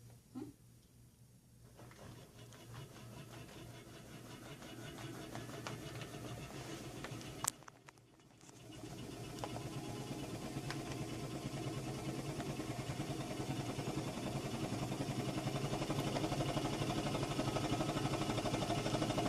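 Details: Female patient relaxing and taking slow deep breaths during a therapist-coached high-frequency chest wall oscillation vest treatment, told to cough as needed. Rapid, steady mechanical pulsing at about four pulses a second, rising in loudness as the vest shakes the chest.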